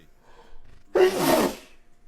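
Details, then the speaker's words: Male's single loud, forceful sneeze after a short quiet intake; he is said to have been sneezing more than breathing. "I'm trying to sneeze [ __ ] up you are you've been Sneezy you've been sneezing more than you've been taking breaths"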